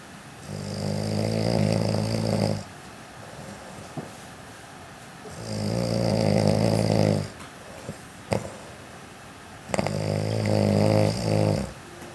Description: my dad doesn't believe he snores so to prove to him that he does i took a video of him snoring woke him up and showed him the video....